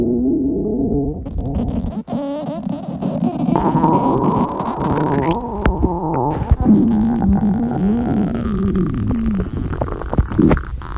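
Long, overlapping gurgling and rumbling growls from several stomachs at once, ordinary bowel sounds of hunger or digestion.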